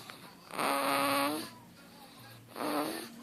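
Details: 2-month-old infant snoring during sleep: two drawn-out, squeaky, buzzing breath sounds, noisy snoring-like breathing.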